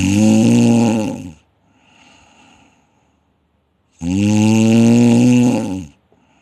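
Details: Loud, harsh, vibrating snores, roughly fifteen a minute, with a quieter breath between, as relaxed throat tissues vibrate during sleep breathing; snoring.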